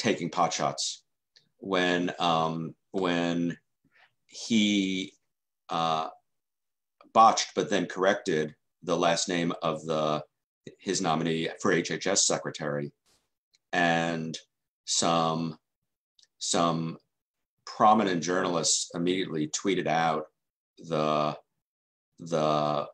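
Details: Adult journalist who has stuttered long-term and been in stuttering self-help since 1992, with stutter and secondary behaviours he notes in his own recordings; stuttering.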